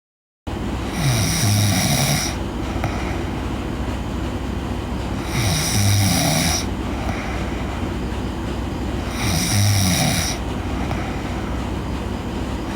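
Steady rumbling snores on each breath in, about three over twelve seconds (roughly 15 breaths a minute), against constant background hum.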